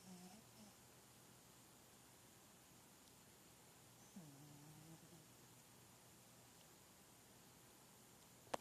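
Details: Sleeping cat gives two very soft, low rasping breaths a few seconds apart over quiet room noise: gentle snoring.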